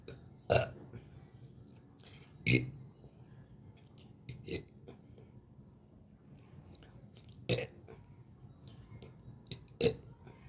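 Five loud burps, about one every two seconds, against quiet room background.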